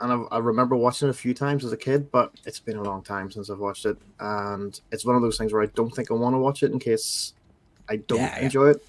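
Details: Adult male speaker; typical speech.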